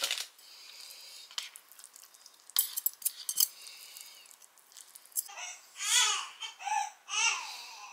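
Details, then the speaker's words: Kitchen clatter gives way to a breastfed infant's rising-and-falling cry in three or four short wails while the father concentrates on his ramen. "(My husband can't hear the baby crying and is concentrating on the ramen)"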